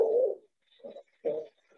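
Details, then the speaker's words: Patient with muscle wasting, including temporal wasting, on lung exam in a restrictive vs obstructive lung disease case: musical, whistling wheezes on both inspiration and expiration with crackles, signalling narrowed airways. "yeah so we hear a little bit of wheezing and what we call that is both inspiratory so when the patient breathes in and"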